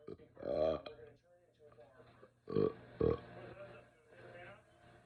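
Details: Person who wasn't feeling well that day, in a long burping session: several loud, low, voiced belches in a quiet room with a steady hum behind; repeated burping.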